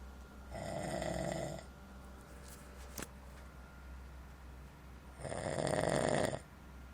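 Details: Person asleep in a motel room giving two long, buzzing snores on breathing in, about five seconds apart, with a low steady hum behind; ordinary snoring.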